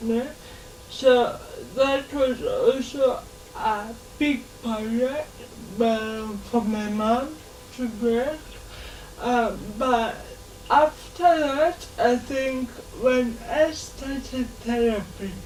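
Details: 27-year-old woman living with cerebral palsy all her life (27 years), independent and mobile on her own; dysarthria (cerebral palsy).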